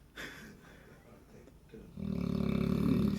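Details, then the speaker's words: Six-month-old puppy snoring loudly, said to sound like a man: a loud, low, rattling snore fluttering steadily through a long breath after quieter breathing. "this is the human snoring dog got in that's crazy"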